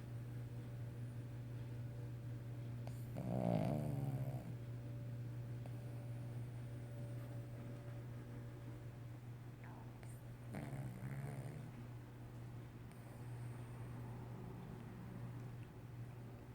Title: Snoring Cavalier King Charles Spaniel dog